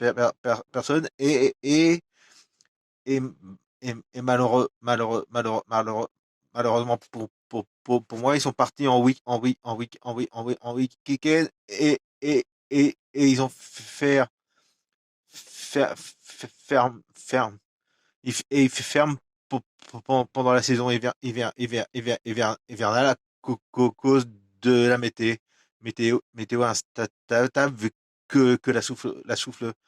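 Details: Adult male with stuttering, who says it becomes even worse and words stop coming out when he recalls a stressful period of his life (a workplace incident around 2004); stuttering.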